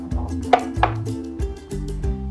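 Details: Handheld fetal Doppler (JPD-200C, rated for pregnancies from 16 weeks, 2.2/3.3 MHz probe switch), gel applied to the abdomen during a product demo: fast, regular low thumping pulses of a fetal heartbeat.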